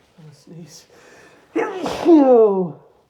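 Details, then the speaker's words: Man sneezing after strong chhinkni snuff: quick breaths in, then one forceful voiced sneeze with a drawn-out trailing cry, which he calls a cough and a sneeze. "I forgot how strong this stuff is, man. Fuck. Wow. That was a cough and a sneeze."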